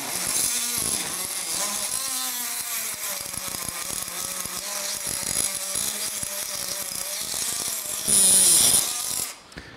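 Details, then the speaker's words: Buzzing, rasping saw with shifting pitch as it bites, ending in a louder high whine: an oscillating bone saw making the anterior femoral cut during total knee replacement. "اول كات انا بحب اخدها هي الانتيرير كات، ونخلي بالنا واحنا بنعمل ان احنا ان شاء الله ما نعملش نوتشنج."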